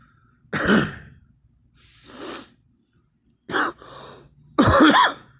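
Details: Adult coughing during a bout of allergies, which they attribute to tree and grass pollen in warm, rainy weather; cough.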